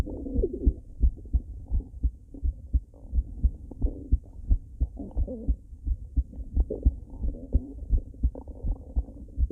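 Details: Woman's heartbeat recorded on a mobile phone at rest: steady low thumps at about 85 a minute, with rumbling, gurgling stomach growling underneath; normal heartbeat.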